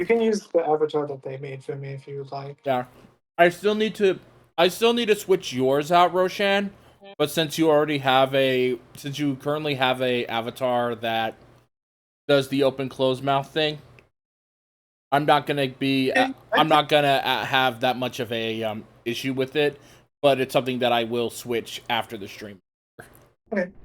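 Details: Adult man speaking; normal conversational speech.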